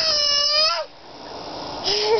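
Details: Two short, high-pitched tonal sounds from an infant girl, separated by a brief pause, during a bout of giggling then hiccuping; captioned as infant crying.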